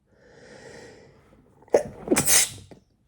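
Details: Adult male sneezing repeatedly and forcefully after announcing a tickle; the sneezes are wet, with visible spray, and are deliberately not stifled. Sneeze.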